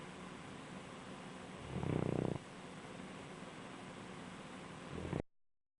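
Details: Sleeping, relaxed Bloodhound gives one loud, fluttering snore, then a shorter snoring breath a few seconds later, over a steady background hiss.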